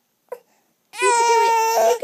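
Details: A baby during tummy time, being coaxed to roll over: a brief whimper, then one sustained, strong, tonal wail; an ordinary infant cry.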